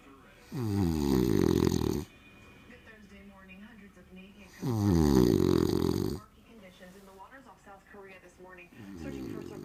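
Two loud, rough snores on inhalation about four seconds apart, with quieter breathing noise between them. Ordinary snoring.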